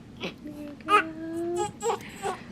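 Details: Short, thin cries of a newborn boy moments after an unmedicated precipitous hospital birth, born 12 minutes after arrival after two pushes, with soft room sounds and quiet adult voices.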